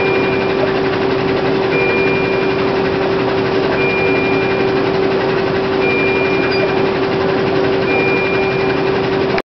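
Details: Steady machine whoosh and hum with a faint high beep about every two seconds during airway suctioning through the ventilator tube.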